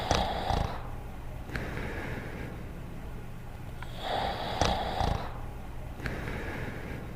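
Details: Cartoon (simulated) snoring: repeating cycle of snorting in-breath and whistling out-breath, about 15 per minute, over a noisy soundtrack.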